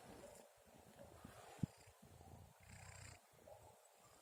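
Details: Kitten recorded while sleeping alongside its owner at about 2:30 a.m.: soft, low, rattly breathing with brief pauses; gentle, normal snoring.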